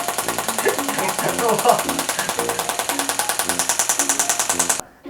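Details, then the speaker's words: Extracorporeal shockwave therapy applied to a man's right shoulder (labral tear; pain after 24-hour pull-up record), targeting tight muscle: rapid, steady mechanical tapping pulses, about 200 a minute, with background music. "충격파를 통해서 이제 근육은 좀 긴장도를 좀 풀어 드렸고요"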